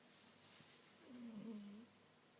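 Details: Blue Persian cat sleeping, with a single soft, drawn-out nasal sound over quiet room noise; gentle snoring in sleep.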